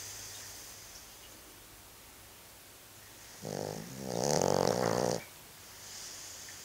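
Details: One loud, rumbling snore of about two seconds in a quiet room, then quiet breathing resumes, from a sleeping dog named Judge.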